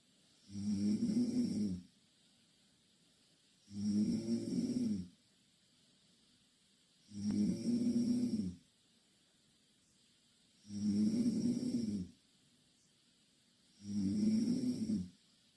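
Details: Two Korean girls asleep in the same bed: five regular rattling snores, one on each breath in, about 18 breaths a minute, with quiet gaps between; loud steady snoring.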